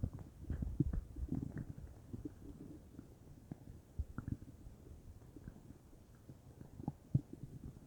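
Continuous low bubbling and gurgling with frequent small pops; ordinary active bowel sounds.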